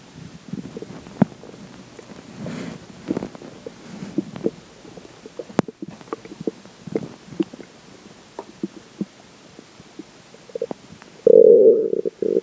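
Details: Irregular gurgling and bubbling abdominal rumbles after drinking water, ending in a louder sustained growl; stomach growling (borborygmi).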